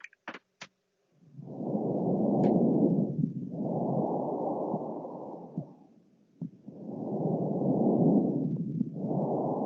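Loud, rough, dry breath sounds with each breath in and out, about two full cycles, lacking the usual soft quality: harsh breath sounds.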